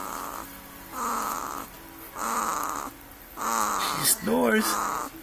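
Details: Two-week-old baby girl snoring: three rhythmic, buzzing breath sounds with quiet pauses between, ending with a brief squeaky vocal sound.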